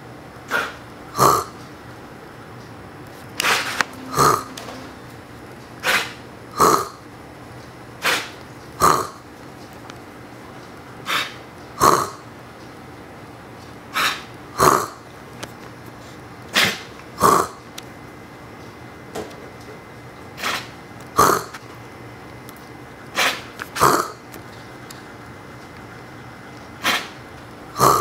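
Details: One-and-a-half-year-old Siberian Husky giving short, throaty coughs alternating with a person's coughs in a quiet room; dog cough.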